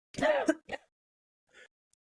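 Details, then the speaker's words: An adult with a cough lasting about two weeks gives two short, harsh coughs with a throaty, voiced edge, then a soft breath. "Sorry. I've had this cough for like two weeks. I was going to say it sounds like you're like dying."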